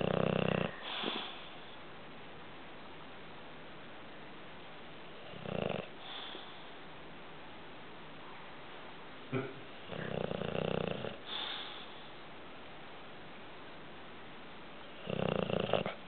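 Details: Pet named Sparks, called a dragon, snoring while asleep, with added background audio: irregular snorting, wheezy snores with pauses, roughly five over sixteen seconds, against steady room noise; snoring.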